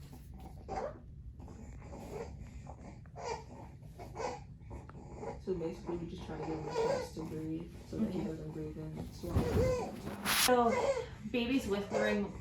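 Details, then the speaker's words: Infant boy with laryngomalacia breathing noisily during feeding: squeaky, gurgling, wet breath sounds with fussy cries; he pauses feeding to breathe, and laryngomalacia infants are noisy feeders. "malaysia are going to be noisy feeders no matter what you do"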